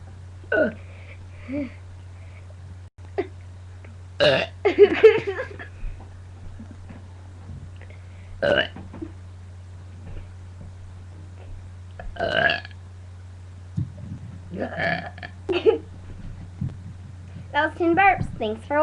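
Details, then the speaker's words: Girl burping deliberately: about ten short, throaty burps with quiet gaps between them over a steady low background hum. "Hi, I'm about to burp you a lot of burps."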